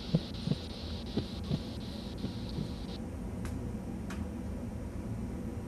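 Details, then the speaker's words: Manual blood pressure measurement, cuff pumped to 200 mmHg: soft thumps at about 58 a minute fade out after two seconds, leaving cuff hiss, marking diastolic pressure; Korotkoff sounds. "The first lub-dub sound that you will hear is systolic blood pressure. Immediately after the last lub-dub sound will be diastolic."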